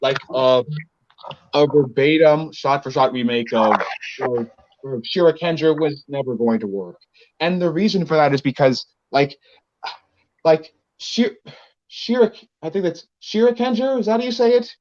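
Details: Male speaker with a self-described speech impediment; speech disfluency with word and phrase repetitions.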